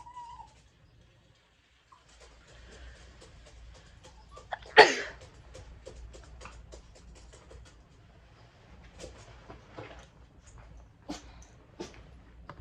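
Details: Person sneezing with a dog present: quiet room with soft clicks and rustling, broken by one sudden explosive burst of air consistent with a single sneeze.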